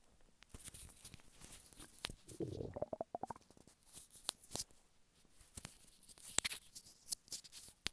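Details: Man lying flat on his bed with hunger stomach rumbling: irregular gurgles, squeaks and a brief rising squeal from the belly, with close handling noise; normal hunger borborygmi.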